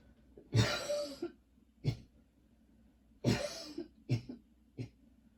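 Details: Five harsh, forceful coughs in two bursts with quiet gaps, in someone with long-lasting coughing spells and a lingering throat tickle: persistent cough.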